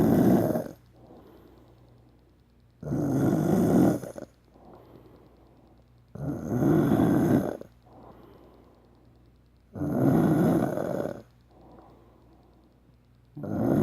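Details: Adult snoring: loud, rough snores on each in-breath, about 17 a minute, with quieter out-breaths between; ordinary snoring.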